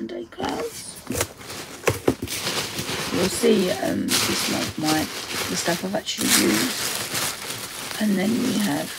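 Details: Adult woman's self-reported voice dysphonia, which she says is playing up; dysphonia.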